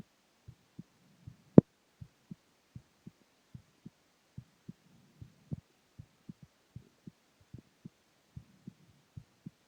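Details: Male, lying down, heart sounds: steady paired lub-dub heartbeats at about 76 beats a minute, with a faint low hum between beats; normal heart sounds.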